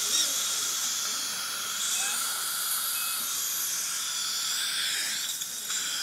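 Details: Dental surgical drill running during immediate extraction of decayed teeth #12 and #14 and mini/mono implant placement, using a drill extender: steady high-pitched hiss and whine with faint room noise.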